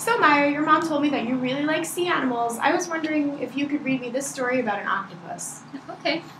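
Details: Adult woman; fluent speech.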